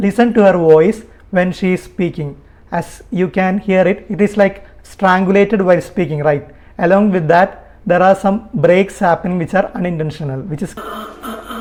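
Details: Adult speaker; normal speech.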